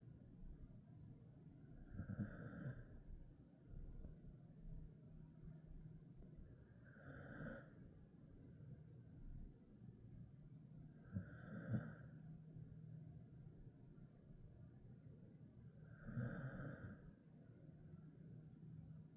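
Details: Snoring in a sleeping 10-year-old male Jindo mix dog: regular snoring breaths about every five seconds, roughly twelve a minute, with a soft nasal snort on each.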